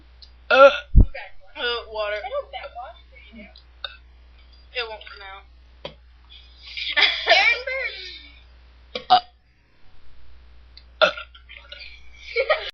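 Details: Deliberate burping in a burping contest made by request: loud, drawn-out voiced belches separated by talk and laughter.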